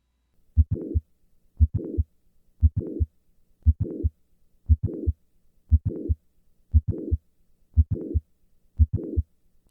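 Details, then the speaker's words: Mitral valve prolapse heard at the apex: sharp mid-systolic click followed by a late systolic murmur, slow regular rhythm. Recorded standing, then squatting, then standing again to show the click-murmur shifting. Classic click-murmur. "listen to the change in the click in the murmur with a squat maneuver I will start in the standing position and then move to squatting and then return to standing"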